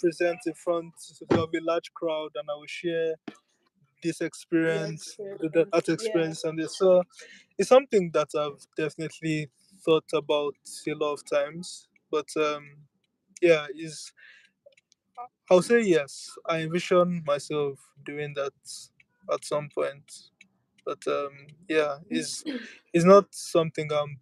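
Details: Adult male speaker; stuttering.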